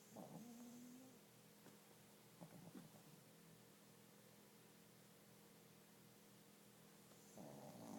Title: snoring